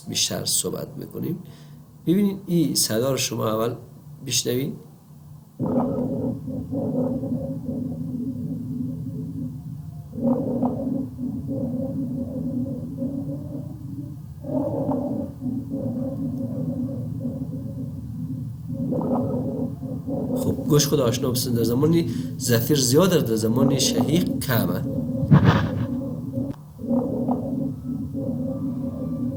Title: Lung sounds/Rhonchi/ رانکای چیست و در کدام امراض بوجود می آید؟